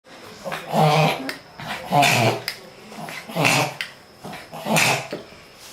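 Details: A dog makes repeated loud, harsh snorting breaths, about four in six seconds. The owner is unsure whether it is reverse sneezing and says the episodes happen often and last a long time.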